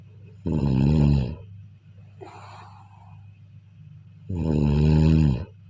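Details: Sleep snoring: two loud, low, rattling snores on breathing in, with a soft breath out between them.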